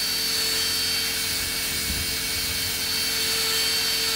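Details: Steady, loud, continuous high-pitched whirring hiss of an electric rotary podiatry burr filing down a big deep foot corn with surrounding callus in a returning patient.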